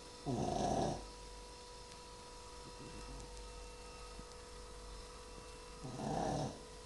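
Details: A very tired shih tzu dog snoring in sleep: two low, rattling snores about five seconds apart, with a steady hum in the background.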